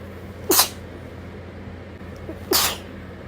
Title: some late night sneezes